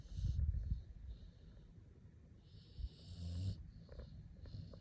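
Soft, low snuffling snores with faint whistling from a sleeping puppy; ordinary snoring.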